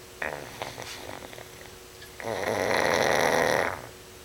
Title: Snoring Pug